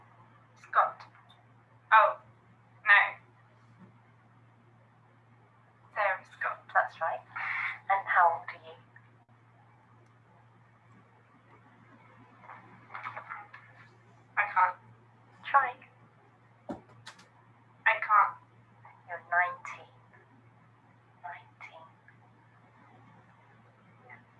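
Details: Woman with non-fluent aphasia after a stroke, with word-finding difficulty and trouble forming grammatical sentences, currently in speech therapy; an interviewer also speaks; non-fluent aphasia.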